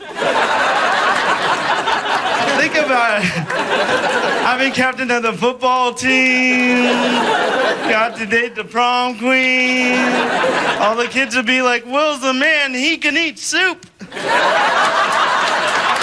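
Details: Dysarthria in an adult man born with cerebral palsy.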